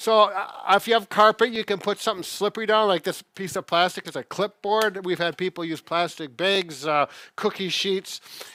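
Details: Adult speaker; ordinary speech.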